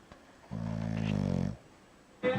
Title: Quick vid of Bulldog Toby Snoring